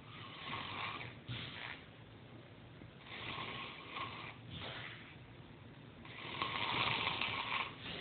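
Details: Rough, rattling snores on breathing in, about 4 breaths in 8 seconds, quieter out-breaths between, at times sounding like he is about to croak; snoring.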